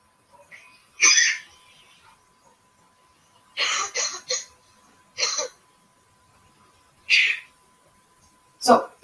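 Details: Cough samples from a COVID-19 cough detection project: several separate cough bursts in sequence, first a dry cough, second a COVID-19-related cough, third a wet cough, hard to tell apart by ear.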